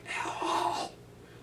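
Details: Male speaker imitating how he sounded on waking unable to talk before a big speech; aphonia (loss of voice), imitated, not real.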